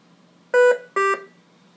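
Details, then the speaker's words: V60 BiPAP ventilator controls demo: low-priority alarm triggered by low tidal volume, alarm loudness turned down; two short two-tone electronic chimes in a quiet room. "noisy okay that is a low priority here's what a high priority sounds like"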